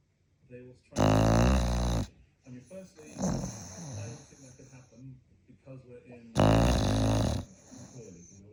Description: Frankie is a five month old Continental bulldog puppy. For sure, he can snore!